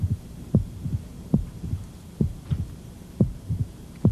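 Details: Heart sounds near 70 a minute with an extra early diastolic sound, a pericardial knock, at the lower left sternal border and further out, in a man with a median sternotomy scar and systolic inward chest wall motion.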